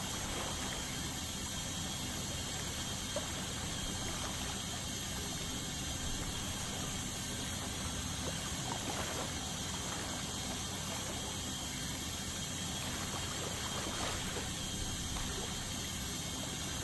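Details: Dental ultrasonic scaling: continuous high-pitched hiss with running water and suction gurgle, an ultrasonic scaler removing tartar during a dental cleaning.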